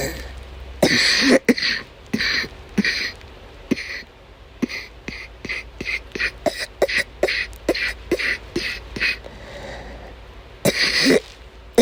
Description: She had an asthma attack during an episode of chronic migraine. She couldn’t stop coughing and vomited many times throughout the day